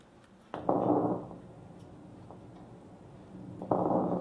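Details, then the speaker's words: Recorded lung sounds of a patient: two noisy breaths with brief scattered clicks, short popping sounds of lung crackles. "And then this is a crackle."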